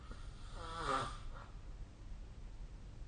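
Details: Snoring recorded with the SnoreLab snore-tracking app: a single rough, rattling half-second snore on the in-breath, then quiet breathing against low room noise; ordinary snoring.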